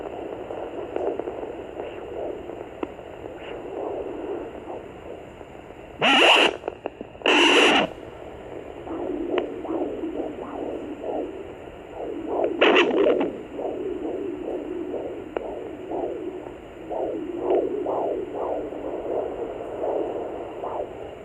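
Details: Rapid, rhythmic whooshing fetal heartbeat at 20 weeks' gestation on a Sonoline B fetal Doppler, broken by loud bumps from fetal movement.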